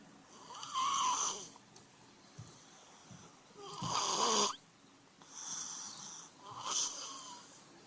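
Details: Sleeping baby boy snoring very loudly: harsh, rasping snores with quieter breaths between, roughly 19 a minute; snoring.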